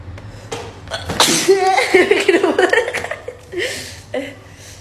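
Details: During a Covid nasal swab test, a quick gasping breath then a sharp sneeze, laughter-like vocal sounds and a softer second sneeze.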